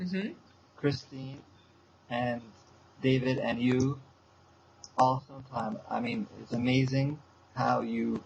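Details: Adult man with aphasia since a stroke seven years earlier, still in speech therapy four times a week. Aphasia.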